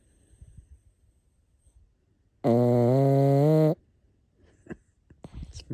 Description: Some serious snoring can you guess if it’s a man, a woman or a dog?